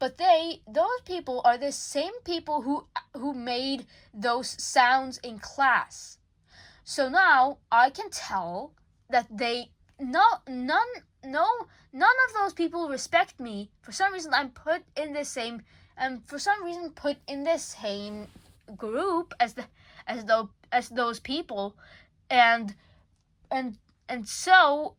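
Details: Self-reported frequent stuttering in a school-age speaker; this stretch has word and phrase repetitions and revisions; stuttering.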